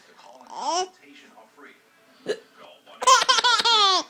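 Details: Hiccups: a few short abrupt gulping catches from the mother, followed by a baby's bright repeated laughter.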